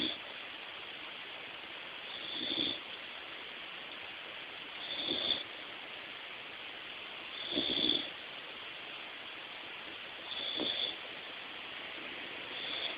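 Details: Soft, rough snoring at about 23 per minute from a sleeping American Eskimo Dog, over steady background hum.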